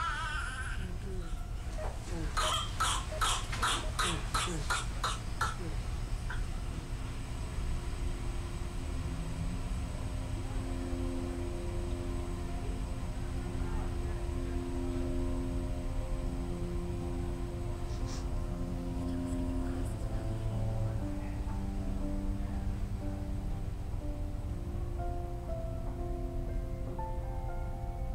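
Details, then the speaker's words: Violent paroxysmal coughing fit of whooping cough (Bordetella pertussis infection). Mucus builds up in the airways because damaged ciliated cells cannot clear it. Documentary footage within an educational animation; the disease is characterized by coughing fits with a whooping sound. "mucus is not removed and builds up in the Airways the body attempts to rid itself of this buildup by causing a violent coughing fit bacteria containing droplets are released and may infect a new host beginning the cycle"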